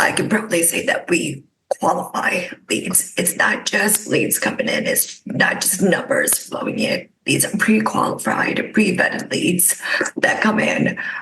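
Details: Adult woman with spasmodic dysphonia caused by neck trauma about 5 years ago, voiceless for about 2 years, treated with neck Botox injections that help but do not cure; spasmodic dysphonia.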